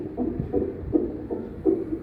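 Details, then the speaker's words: Normal fetal heart sounds on a CTG Doppler transducer held on the mother's abdomen: rapid, regular whooshing fetal heartbeat about 155 beats a minute, within the normal 110–160 range. "Itu terdengar suara denyut jantung bayinya ya. Itu yang tadi normalnya adalah 110 sampai 160 kali per menit."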